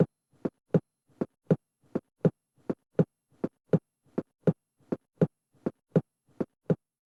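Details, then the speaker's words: Simulated normal heart sounds at the base, aortic and pulmonary areas (second intercostal space right and left): regular, about 81 a minute, second sound louder than the first. "здесь норма несколько иная второй тон громче надоортой над легочной а не первый"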